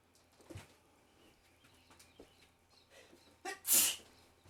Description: Every Day I sneeze so much after wake up